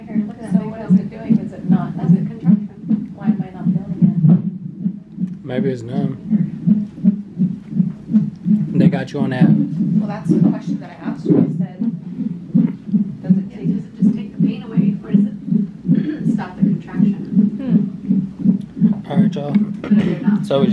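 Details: Fetal heartbeat on a hospital labor-and-delivery monitor at 29 weeks of pregnancy, after tightening and pain. Fast, steady whooshing pulses, about 160 a minute. A heart-rate jump was noted.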